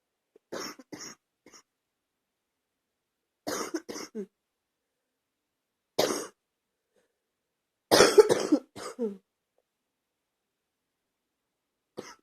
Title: # 77 Got a bad cold Gotta have a bad cough